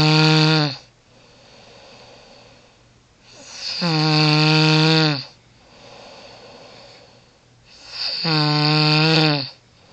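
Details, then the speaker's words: Adult woman (wife) snoring loudly and constantly during night sleep: loud, regular, deep rattling snores on each breath in, about 14 breaths a minute, with quieter breaths out between; snoring. "yo i can't even go to sleep right now my wife is snoring up a storm yo listen to this [ __ ] watch this watch this ah"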